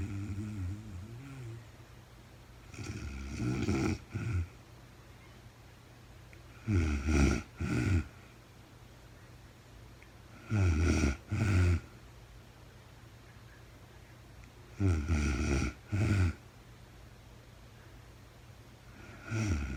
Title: real time sleeping woman snoring no talking REM Anxiety relief return of beauty.